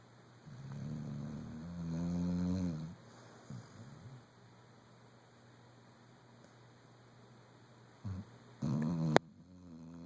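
A low, rumbling snore from a sleeping dog, with a second shorter snort near the end, over steady room hum. Ordinary snoring.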